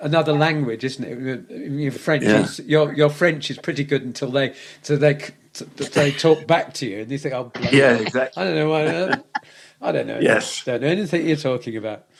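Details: Aphasia after a stroke in an adult man, speaking in conversation.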